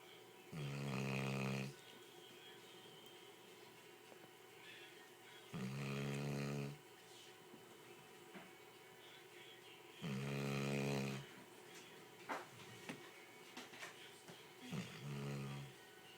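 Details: Loud, rattling snores about every four to five seconds, roughly 13 a minute, with quiet pauses between, while napping in an office; heavy snoring in sleep.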